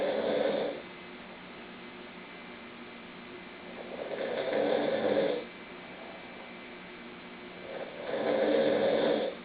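Rhythmic rattling snores on each breath in, about three in nine seconds, separated by quiet pauses; ordinary snoring.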